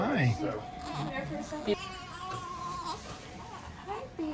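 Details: Thin, wavering newborn cry right after birth of a baby girl at 38 weeks, after induction in a high-risk pregnancy with cholestasis and cord around the neck; partly covered by adult voices and room noise.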